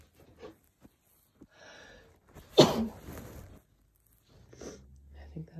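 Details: Sneeze during a cold, one loud explosive sneeze after quiet sniffs and a brief exhale, induced by chhinkni (snuff poured into the hand) to relieve cold symptoms; single sneeze.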